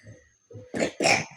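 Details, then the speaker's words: Baby girl, in a quiet room after soft vocal sounds, gives two short, harsh coughs in a row; parent says she has a cough and will be given medicine. "ओहो गंदो को खांसी आ रही है, कोई बात नहीं गंदो, अभी ठीक हो जाओगी, मेडिसिन देते हैं आपको अभी।"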